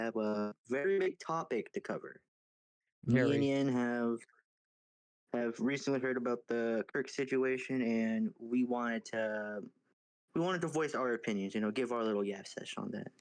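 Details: Adult male speaker; ordinary speech.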